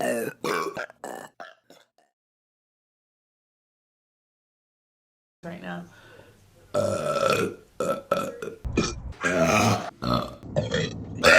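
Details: Several loud, drawn-out belches from women, separated by a pause; typical burping.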